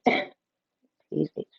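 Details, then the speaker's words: Woman with severe rheumatoid arthritis and RA-associated interstitial lung disease coughing during a livestream: one harsh cough followed by two short voiced throat-clearing sounds. "excuse the coughing."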